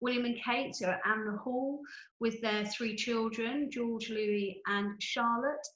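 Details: Adult woman speaking; Normal speech.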